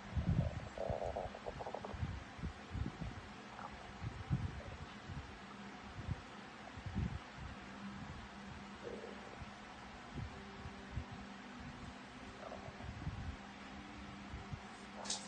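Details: Stomach after 15 hours without food: low gurgles and rumbling squeaks come and go over quiet background hiss; stomach growling (borborygmi) from hunger.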